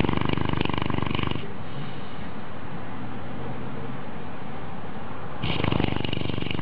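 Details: Sleeping dog: loud, rapid, fluttering snore in short bursts, with a long stretch of heavy background noise in the middle; snoring.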